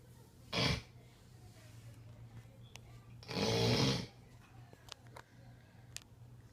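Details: A sleeping relative snoring: two rough, fluttering snores, one brief and one longer, over a steady low room hum.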